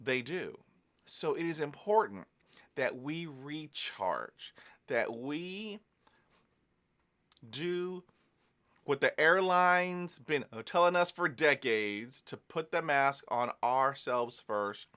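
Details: Adult man who is a person who stutters, speaking about stuttering and self-care; stuttering.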